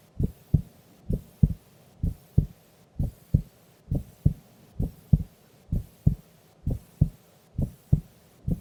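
Steady, soft paired heartbeats at about 70 beats a minute, regular rhythm, no extra sounds. Normal resting heartbeat.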